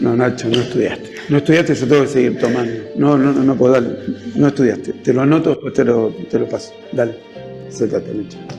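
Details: Adult male speaker(s), Spanish, with background music; ordinary speech.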